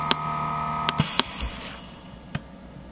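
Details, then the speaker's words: Philips Respironics SimplyGo 2 L/min portable oxygen concentrator, used on continuous flow, being powered off by pressing the button twice: short high beeps and button clicks, then the unit falls quiet; power-off beep. "again press the button twice to turn off the unit"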